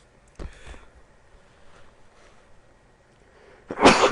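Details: Sneeze.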